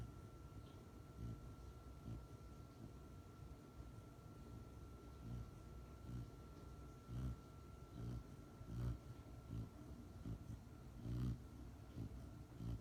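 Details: Snoring in an almost 6-month-old Rottweiler puppy, deeply asleep after returning from professional training: soft, low, irregular snuffling snores over a steady background hum.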